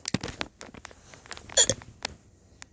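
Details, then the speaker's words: Person with hiccups attempting tongue twisters ("she sells sea shells"): quick, halting speech interrupted by a sudden sharp gulping catch in the middle. Hiccup. "okay I'm going to do talking to a but I have the hiccups right now so she sell see sells this is actually harder"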